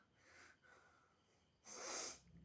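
A short indrawn breath followed by one forceful, hissing sneeze burst; a single ordinary sneeze.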